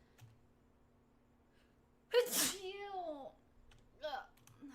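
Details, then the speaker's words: Sneeze from someone who says they are sick: a single explosive sneeze with a drawn-out voiced trail, followed by a short vocal sound; an ordinary sneeze. "Okay. I have to sneeze. Wait, I have to sneeze again, I think. Okay. I'm done. Yep, I'm done. That was the last sneeze."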